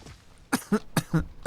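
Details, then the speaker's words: Adult streamer's cough, which they say sounds like a proper smoker's cough but attribute to having a toddler: a cough. "I've got my best wasted cough on today, don't I?"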